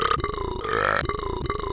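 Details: A single long, loud, voiced burp lasting well over a second, rising and falling in pitch.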